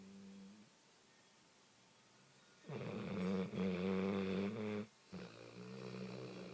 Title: snoring!